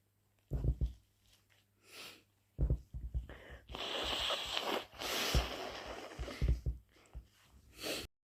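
Several wet, explosive sneeze bursts, then a long forceful nose blow in a small room. Sneezing with nasal discharge cleared by blowing.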